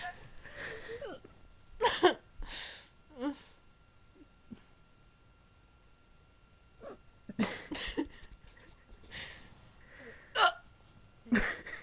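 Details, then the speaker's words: Several short, sharp vocal bursts with quiet gaps between them, indoors with faint talk, from a person with hiccups; hiccups. "so what's wrong I have the hiccups give me a good one"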